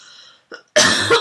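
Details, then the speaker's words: One dry, harsh cough after a short breath, caused by a throat tickle, as the speaker is signing off. "I should go because I'm now I'm coughing and you don't want to hear that"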